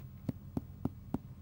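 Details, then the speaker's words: Simulated abdominal exam: four short, flat percussion taps with little ring, demonstrating a dull note in contrast to normal resonance. "I would expect all regions to be resonant like this rather than"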